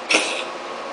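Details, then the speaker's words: Male cat gives a single short, breathy hacking cough, fading into quiet room noise; owner suspects hairballs; his second episode in a week; ran out of hairball remedy. "Uh-oh, can you hear him? Where is he? You okay, Asa? You okay, honey? You got some hairballs there?"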